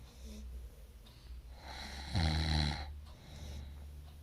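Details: A low, rattling snore on one drawn-in breath, with quieter breathing before and after; snoring.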